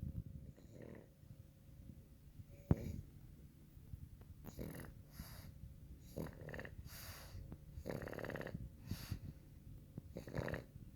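Irregular snorting, rattling breaths with snuffles and quiet pauses from a sleeping pug; noisy sleep breathing consistent with snoring.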